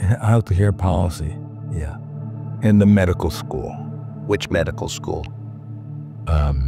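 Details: Speech of a woman with severe aphasia, a former professor of health care policy at Harvard Medical School.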